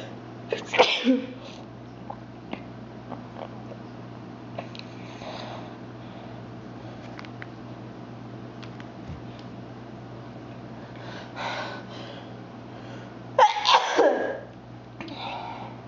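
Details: Person with frequent repeated sneezing, a normal day for them: two sharp sneeze bursts over a steady low room hum.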